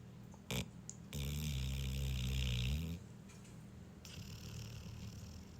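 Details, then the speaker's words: Sleeping dog gives one long, low, rumbling snore of about two seconds, with quiet room noise and a brief click before it: dog snoring. "coming to you live with the first episode of Listen to Gabby Snoring."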